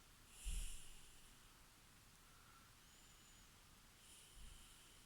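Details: Snoring during sleep: two short, low snorting breaths about four seconds apart over a steady background hiss.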